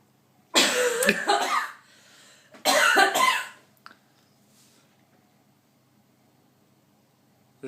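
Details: Cough in a woman with hiccups after a few drinks, while ordering a takeaway: two loud, harsh cough-like bursts about two seconds apart, then quiet; no distinct hiccups heard.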